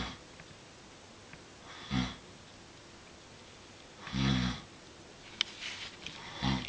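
Three slow, rough snoring breaths over a quiet room, roughly one every two seconds; snoring.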